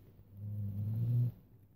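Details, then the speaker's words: Pet dog asleep in a craft room, snoring loudly during a crafting session: a single low, rumbling, fluttering snore about one second long in a quiet room. "um if you can hear snoring it's my dog buddy sh my dog's in my craft room but one of my dogs and he's snoring his head off so if you case you're wondering what that noise is that's what it is"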